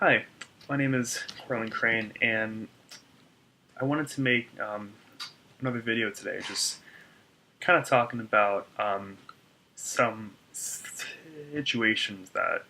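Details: Adult man who stutters, reporting severe blocks on his name; audible word repetitions; stuttering.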